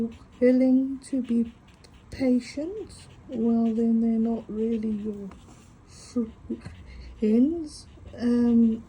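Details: Adult female with a stutter mostly on vowel-initial and W words, which she says can be heard, coping with breathing: stuttering.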